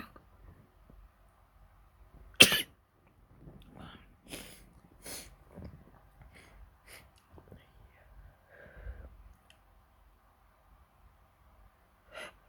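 One loud, sharp sneeze, followed by softer sniffs and breathy noises in a quiet room.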